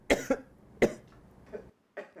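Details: An adult man gives an acted cough in a simulated university-classroom meeting for a cough-recognizing acoustic camera demo: three sharp bursts followed by a fainter cough, in a quiet room.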